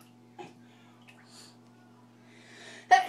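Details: Mother sneezing, recorded with her very young daughter nearby: a quiet lead-in breath followed by a single sharp, loud sneeze.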